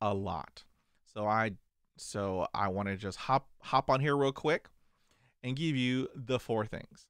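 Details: Man who stutters, managing it with diaphragmatic breathing, meditation, daily reading aloud and mirror practice; audible word repetitions; stuttering.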